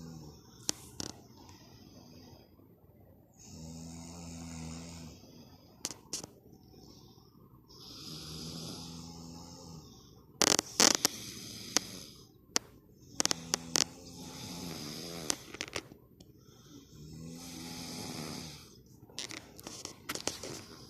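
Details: Baby and father snoring during sleep: rhythmic rattling snores roughly every four to five seconds, with occasional small knocks.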